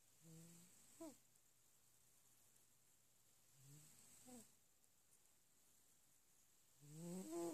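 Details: Sleeping pet snoring gently: quiet, slow, buzzing breaths repeating every few seconds with a faint rising whistle at the end of each breath.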